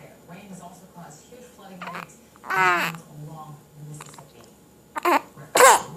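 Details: A person sneezes.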